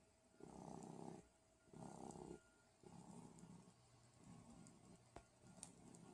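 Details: Snoring: soft, rough snoring breaths in a steady rhythm, about 50 a minute, with faint room noise.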